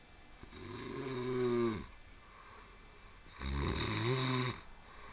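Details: Person snoring: two long, rough, buzzing breaths with a quiet gap between them.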